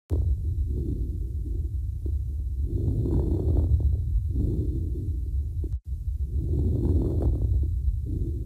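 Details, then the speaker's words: Fine crackles (rales) through a stethoscope: scattered brief, fine explosive popping sounds, mainly on inspiration; teaching example of abnormal breath sounds. "they can be broken down into fine crackles which sometime can be referred to as rails and coarse crackles which sometimes called crepitations"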